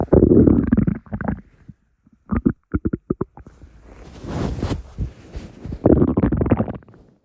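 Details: Morning stomach rumbles: loud gurgling, bubbling sounds with rapid pops and a long rolling growl; ordinary borborygmi.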